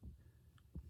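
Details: Head-to-toe nursing assessment, stethoscope (diaphragm then bell) at the pulmonic area, left second intercostal space: one soft, low lub-dub pair under faint room hum, normal S1 and S2.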